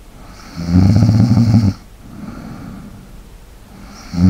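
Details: ASMR snoring recording for relaxation and sleep, with light breathing: a loud rattling snore on the in-breath, then a quieter breathy out-breath before the next snore; ordinary snoring during sleep.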